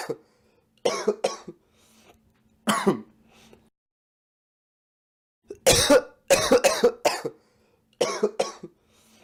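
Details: Cough from a young man, a sound effect recording.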